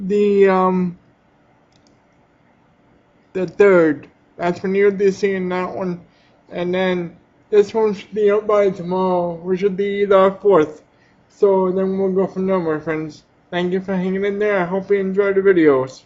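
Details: Adult with cerebral palsy who uses a power chair; dysarthria (cerebral palsy).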